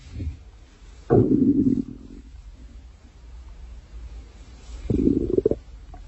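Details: Two loud, low, drawn-out belly growls with quiet between; ordinary stomach growling.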